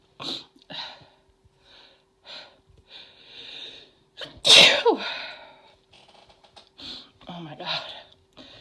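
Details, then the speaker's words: Woman's sneezing fit deliberately induced with chhinkni sneezing powder: a short run of sharp sneezes and sniffs with one loud forceful sneeze in the middle, with talking between sneezes. "Oh, I have to sneeze again. Jeez. I have to"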